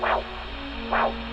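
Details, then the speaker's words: Doppler over the posterior tibial artery during a diabetic foot exam of a man with a warm foot: brief whooshing pulse sounds over a steady hum, two sounds per beat, a normal biphasic arterial pulse within normal limits. "it's lub dub, wish, wish, wish, wish. Two sounds mean biphasic, so he's within normal limits."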